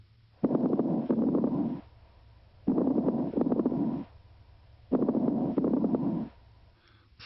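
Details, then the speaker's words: Teaching example of adventitious breath sounds: breaths at about 28 a minute, each carrying many brief, intermittent, non-musical popping crackles. "crackles are intermittent non-musical and brief like dots in time"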